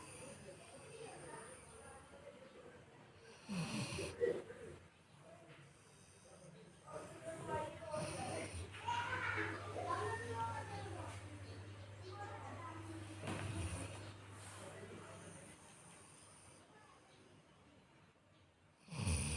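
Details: Soft, irregular snuffling snores from a sleeping Labrador dog, with faint background sounds: ordinary snoring.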